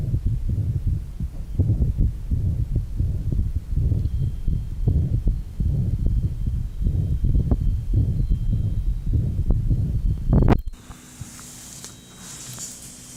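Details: 1955 Johns Hopkins heart sound laboratory recording at the apex, rheumatic heart disease: rapid, low thudding heartbeats with rumbling filling murmurs from combined mitral stenosis and mitral regurgitation (insufficiency).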